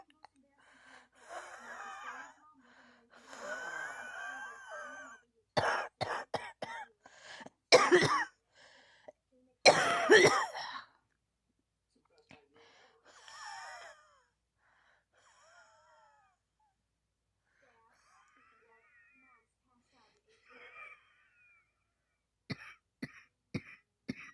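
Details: Repeated bouts of sharp, harsh adult coughs with groaning and breathy sounds between them; the person says they cannot stop coughing.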